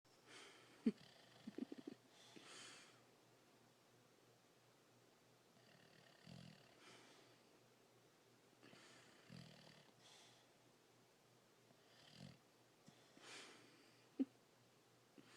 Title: Snoring dog